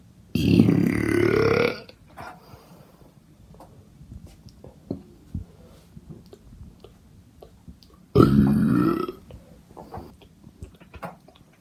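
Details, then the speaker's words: Deliberate burping: two long, loud, rumbling belches about seven seconds apart, with quiet room noise between them. Burping. "anyway I'm gonna do some more burps so yeah"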